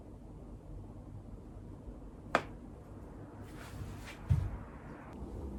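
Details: A single sharp crack and a later duller pop over quiet room noise: joint cavitation during chiropractic adjustment of low back, pelvis, elbow or ankle by a chiropractor.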